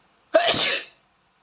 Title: Sensitive Boy Nose VS Tissue try not to sneeze 🤧